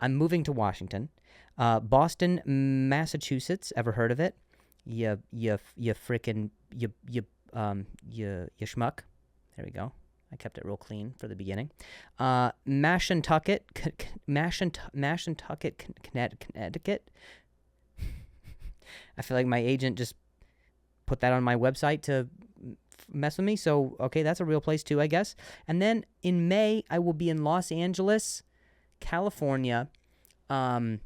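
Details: Adult male comedian who speaks with a stutter, talking on his podcast, says he stuttered on a word and switched to a different one; word repetitions; stuttering.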